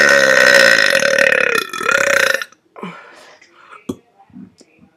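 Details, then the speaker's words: First burp in a while: one long, loud, rumbling belch lasting over two seconds, followed by quiet breathy sounds; a burp. "This is going to be my first burp video in 4 months, at least."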